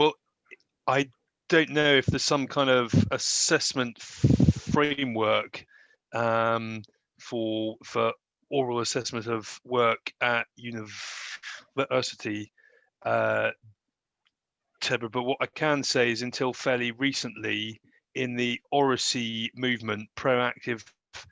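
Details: Adult who self-identifies as a person who stammers, speaking as a seminar chair; stuttering.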